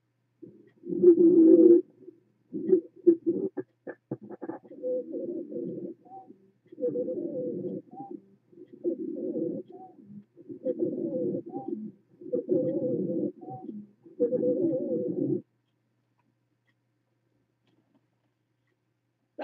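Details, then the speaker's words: Severe wheezing from an asthma attack heard by stethoscope on a patient's lungs despite 8 mg IV Decadron and nebulized albuterol–ipratropium (DuoNeb); breathing 40-plus per minute with intercostal and suprasternal retractions. "sounded pretty terrible right and that's after giving the patient decadron we gave 8 milligrams IV"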